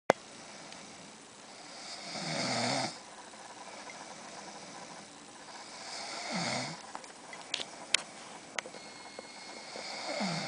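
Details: Person sleeping, snoring: two long, rough snoring breaths about four seconds apart, quiet between, faint clicks in the room.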